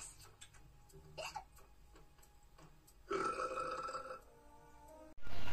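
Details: A prolonged cartoon burp with background music and effects, from the animated show Dino Ranch; burping.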